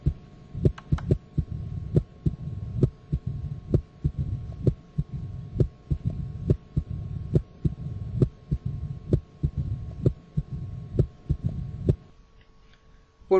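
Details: Diastolic filling murmur (mitral/tricuspid stenosis).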